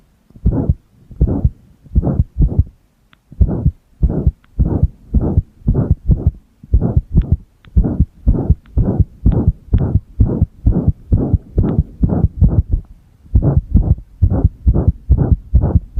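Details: Pressed-heart recording with single-lead ECG in use: rapid low heart thumps around 110 per minute, broken by uneven gaps and dropped beats; irregular heartbeat (arrhythmia).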